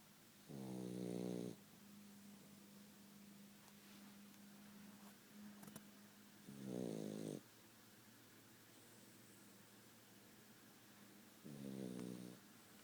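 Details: Dog snoring: soft, buzzing snores about every five seconds over a faint steady hum.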